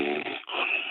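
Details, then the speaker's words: Woman's loud snoring heard live during a radio broadcast, first mistaken for a man: a rough, buzzing, throaty rattling breath noise likened to a grizzly bear; snoring. "I actually thought it was I thought it was a fucking man. And I'm talking to Talmud, but I started talking a little bit longer. Next thing I know, I hear,"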